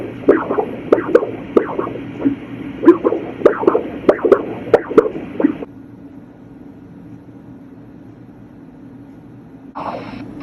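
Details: Heart sounds played from an echocardiography (ultrasound) machine: rhythmic lub-dub pulses from mitral and aortic valve closure; normal heart sounds.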